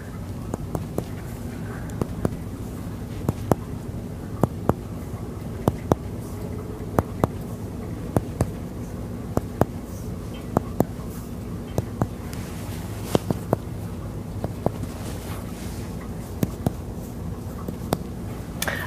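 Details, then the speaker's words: Repeated sharp, hollow percussion taps over the back of a male subject during a lung and thorax exam skills check against low room hum; resonant percussion note in all lung fields bilaterally, normal. "okay so a resonant percussive note was heard in all lung fields bilaterally"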